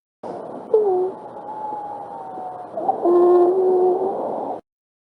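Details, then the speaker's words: Recorded example of wheezes: continuous, long-duration adventitious lung sounds caused by bronchial narrowing from bronchospasm or edema. "se encuentran los ríos en ruidos continuos que son los de mayor duración y los discontinuos que son de menor duración a a la parada bronquial es decir por broncoespasmo o edema entonces pueden escuchar de la siguiente manera"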